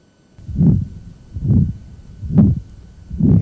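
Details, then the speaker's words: Man with calcific aortic stenosis; regular heartbeat near 69 a minute with a harsh, rough systolic murmur like furniture dragged across a floor, heard with the diaphragm, radiating from right upper sternal border toward apex; aortic stenosis murmur. "that rough quality to it it's almost like somebody's dragging furniture across the floor"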